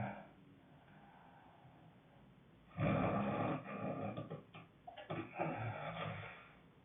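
Quiet breathing, then a loud rough growling snore with fluttering, low-pitched bursts; snoring.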